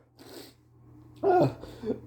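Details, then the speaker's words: Man repeatedly sneezing after a nose tickle, trying to stifle sneezes that keep getting bigger: a soft breath in, then a loud, abrupt voiced sneeze with a brief trailing sound. "I'm just so sneezy today. I I keep having to sneeze. I I think my sneezes are getting bigger."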